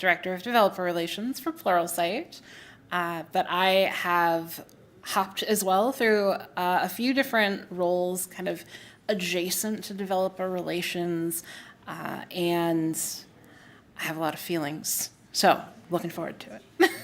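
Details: Adult woman speaking; Normal speech.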